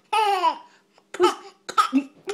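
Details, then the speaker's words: Young child learning to mimic: a drawn-out voiced sound then a few short forced bursts, playfully imitating a cough. "God whose get a bad car such a bad cough who's gonna beg off oh my goodness dad it's a terrible cough"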